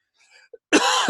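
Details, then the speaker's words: Adult man's single loud, harsh cough burst from a long-standing chronic cough caused by an event a few years earlier; he says it is not coronavirus. "don't worry that's not the corona virus I have a chronic cough from an event that happened to me a few years back and you'll hear me cough but it ain't because I'm dying of the illness"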